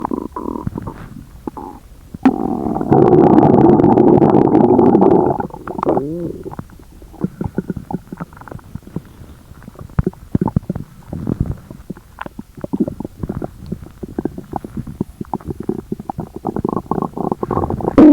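Loud, prolonged gurgling and rumbling from the belly with rapid bubbling pops; loud borborygmi from an upset stomach.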